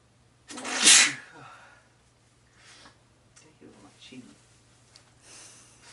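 One loud, sharp sneeze with a hissing burst, then quiet breaths and soft sounds: a single sneeze.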